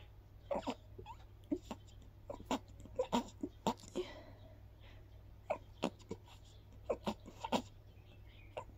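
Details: Adult sneezing after a walk in the park, attributed to grass pollen: repeated short, breathy bursts of air, a run of light sneezes or sneeze-like expulsions.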